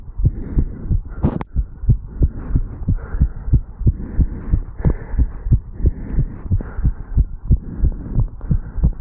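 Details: 35-year-old male, stethoscope at the mitral valve area after jogging up stairs, standing still: quick, regular lub-dub heart sounds about 90–100 a minute, brief rustle early; normal heartbeat sped up after exertion.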